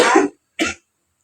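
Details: Two short voluntary coughs, the first longer, made by a woman on request after deep breaths in a role-played nursing demonstration of effective cough technique; simulated teaching scenario.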